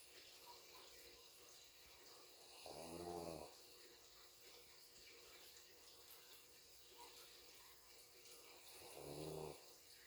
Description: pug snoring sleeping with eyes open